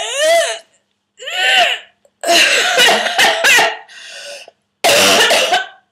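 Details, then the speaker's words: Adult at home in week 5 of whooping cough, treated with codeine liquid and a vaporiser, has a morning paroxysm: strained, high-pitched coughing bursts with effortful gasping breaths, trying to get air in, milder than the full hack. "I just wanted to show you that cuz I'm doing that this morning which is better than the fullon hack but um that's kind of what you need trying to get air in"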